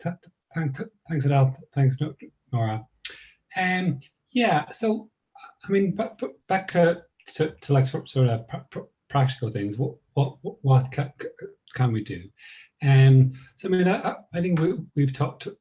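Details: Woman who describes herself as a person who stammers; part-word and whole-word repetitions heard; stuttering.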